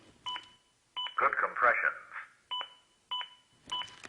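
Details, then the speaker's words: Simulated CPR demo with a Zoll AED Plus: sharp beeps at about 100 per minute, with a voice in between. The adaptive metronome monitors chest compressions that are not pushed hard enough and paces them to at least 100 per minute. "the beeps act as an adaptive metronome that monitors my compressions and tries to speed them up to at least 100 per minute"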